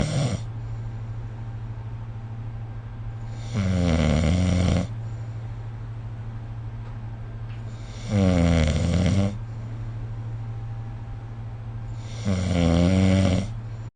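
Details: Snoring during sleep recorded with the SnoreLab phone app: loud, low, rattling snores about every four seconds over a steady low hum.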